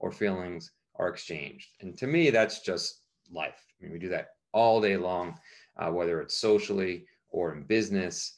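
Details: Adult male speaker; ordinary speech.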